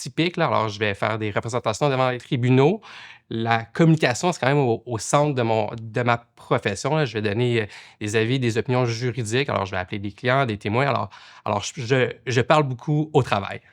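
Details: Adult male lawyer who stutters, speaking French; he reports blocks, including once being unable to say a word in court; stuttering.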